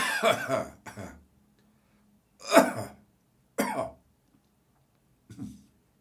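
An adult gives several harsh coughs and throat-clearing bursts separated by silent pauses.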